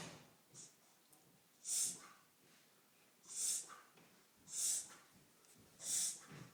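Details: Dog making repeated harsh, hissing breaths in quick succession, a noisy wheezing pattern; often occurs after eating a rawhide treat, sometimes for no apparent reason; owner asks why the dog is wheezing.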